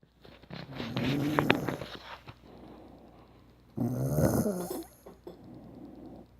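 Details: Snoring in a man: two loud, rattling snores on breathing in, with quieter breaths between.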